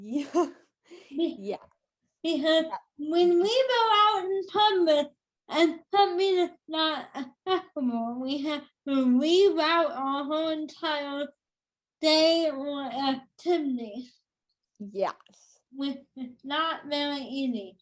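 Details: Adult woman with cerebral palsy since birth, which she says has tightened as she has aged: dysarthria (cerebral palsy).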